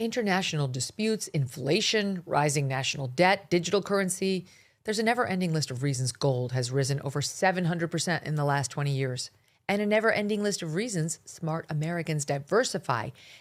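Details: Adult male speaker; Normal speech.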